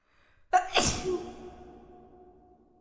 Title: SNEEZING COMPILATION😷